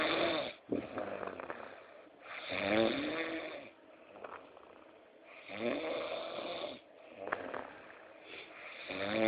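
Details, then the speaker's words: A man asleep just after midnight snores loudly. "O cara já tá dormindo, já tá roncando, velho."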